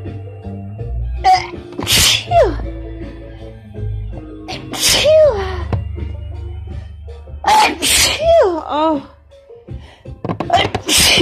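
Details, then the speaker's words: Person with lingering cold plus allergies, voice hoarse, nose still tickling, in a sneezing fit: four forceful sneezes, each with a sharp in-breath and explosive burst, then short groans; music in background; sneezing. "It does feel good to get them out, and there is still quite a tickle though. Oh, fucking sneezing fits."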